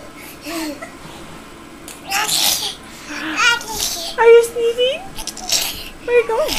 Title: Baby Fake Sneeze